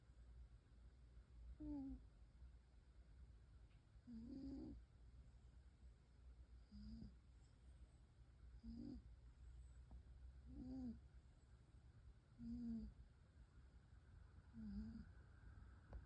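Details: Sleeping cat snoring loudly: soft, regular snores, about eight in sixteen seconds, roughly 30 breaths a minute; snoring.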